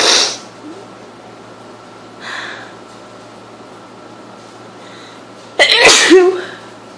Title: Sneeze attack from a cold :(